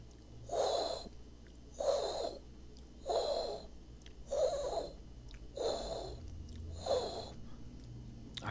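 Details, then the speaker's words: Aortic valve stenosis, valve not opening fully so blood is forced through a small orifice: six loud, harsh whooshing bursts repeating regularly at about 47 a minute, a murmur said to be audible from 1–1.5 metres away. "esta válvula la orta no la válvula ótica Perdón no se abre por completo y la sangre pasa a presión por un orificio pequeñito y genera tanto ruido genera un soplo tan intenso que a veces se puede oír a distancia"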